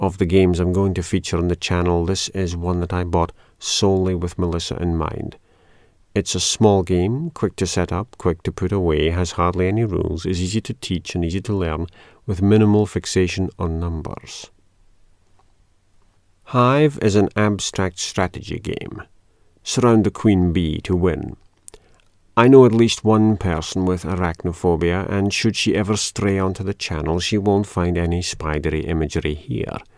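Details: Adult male speaker; normal speech.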